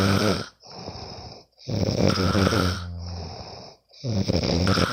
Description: Hey guys my first post. Sometimes i can't sleep. So i will record my bff snoring...